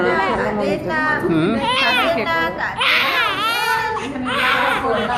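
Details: Newborn baby boy crying just after birth: steady, loud, rhythmic vigorous wailing with family voices and room noise behind.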